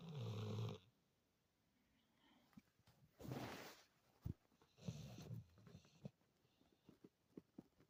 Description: snoring is obnoxious but I love it , I had set an alarm for 9 and his snoring put me back to sleep.